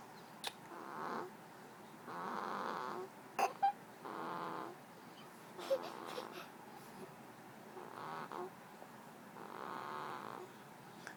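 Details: Two-week-old baby boy snoring while asleep: soft, rhythmic nasal breaths with a light rattling purr, about six breaths in eleven seconds, with small clicks.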